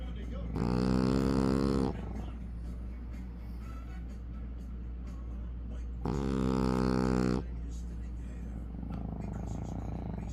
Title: When Your Frenchie Snores Louder Than You 😴 💤